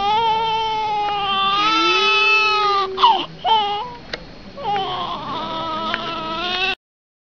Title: cry baby baby cry sound effect